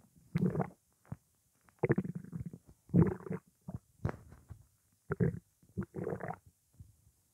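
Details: Hunger stomach rumbling, stomach said to contain only water: repeated gurgling, growling rumbles from an empty stomach; normal borborygmi.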